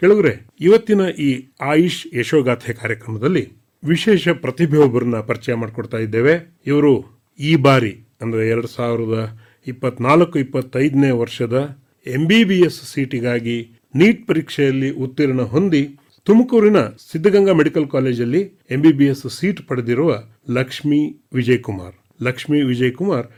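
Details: Adult male radio host; Normal speech.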